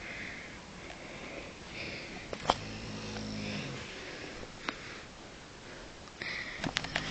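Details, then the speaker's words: Man snoring in bed: a single low, buzzing, rattling snore on inspiration, with softer breathing and sniffing in a quiet room. "Okay, that was my dad snoring in bed. Okay. That was funny."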